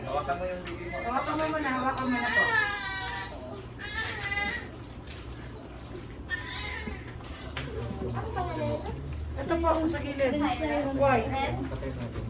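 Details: Repeated high, wavering bursts of crying with quieter gaps and background voices from a newborn just delivered by normal vaginal birth with cord coiled to the shoulder; strong cry soon after birth.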